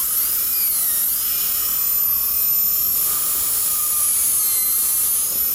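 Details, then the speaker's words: Dental drill with 170L carbide bur refining the lingual surface and placing pin-hole recesses on maxillary right cuspid/central incisor for a 3-unit anterior bridge preparation: steady high-pitched whine running continuously. "now we're going to take a 170 L carbide and refine our legislate lee and place some recesses where we're going to drill our pin holes open"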